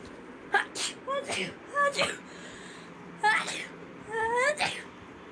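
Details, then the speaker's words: Young woman sneezing from dust while cleaning: a rapid run of several quick voiced sneezes with high-pitched catches between them. "just cleaning that means there's dust everywhere me I'm going to sneeze cuz I can s all day oh my God sorry SpongeBob oh God those was a double SE oh it's horrendous driving"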